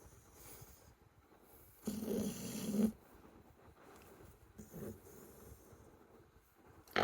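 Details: Sleeping American bully dog: a loud rattling, snorting snore on an in-breath, then quieter breathing with a smaller snort; snoring.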